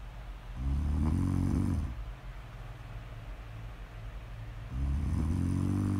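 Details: Snoring during sleep: two long, low, rumbling, fluttering breaths separated by a quiet pause.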